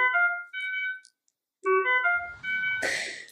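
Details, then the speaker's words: Repeating electronic tones from a ventilator alarm, in a lecture explaining alarms as low tidal volume or high peak pressure, signalling the machine needs attention for the patient. "so when we all hear that noise we are pretty convinced that the ventilator is really angry with us and that it's yelling at us"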